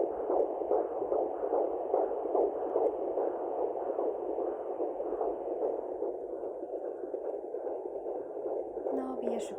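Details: Home Sonoline handheld Doppler at 16+2 weeks of pregnancy, probe placed low above the pubic bone: rapid, regular, galloping whooshes at about 140–150 a minute, a normal fetal heartbeat.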